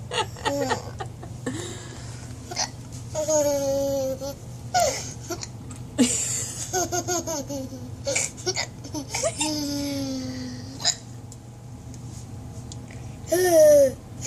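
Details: Hiccups in a laughing child: giggling and babbling broken by short, sharp catches of breath.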